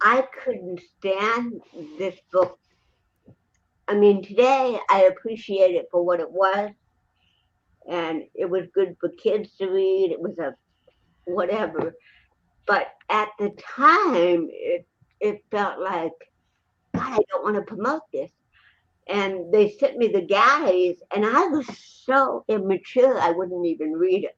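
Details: Adult woman with cerebral palsy who also has a 75% hearing loss and wears hearing aids; dysarthria (cerebral palsy).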